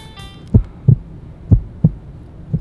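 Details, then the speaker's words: Simulated normal heartbeat, steady paired lub-dub thumps at about 60 beats a minute, heard through a stethoscope in a children's educational show. "whoa I hear your heartbeat wa you know what profession loves to listen to heartbeats yeah nurses nurses and doctors"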